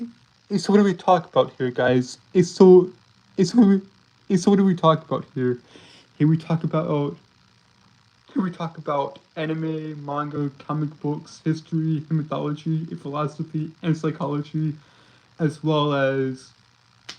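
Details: Stuttering in a male streamer who says he has a speech impediment that makes him stutter and trip over his words; this stretch has repeated phrases.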